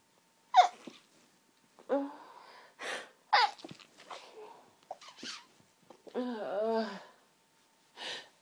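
Several sharp high sneezes close together with quick breaths between them, a run of sneezing from hay fever.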